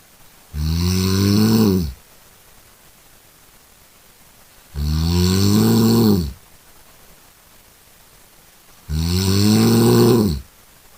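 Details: A cat snoring loudly while sleeping: three drawn-out rumbling snores with a rising whistling tone, about 14 a minute, in a quiet room.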